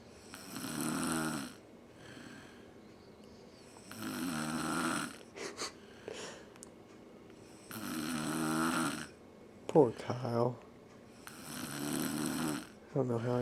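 Loud rattling snores come every few seconds, about four here, roughly 17 a minute, with brief voices in between; this is snoring.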